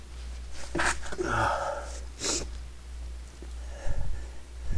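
Muffled, stifled sneeze bursts with sharp breaths in, over a low steady hum: an ordinary sneeze held back.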